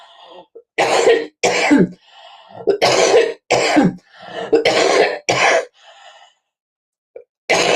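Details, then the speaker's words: Adult woman with a persistent, terrible cough, on medication that partly takes her voice: a run of about seven forceful, harsh coughs with brief gasping breaths between them. "As you can hear, I have still got this terrible cough. And the medication I'm taking for it causes me to lose my voice a little bit."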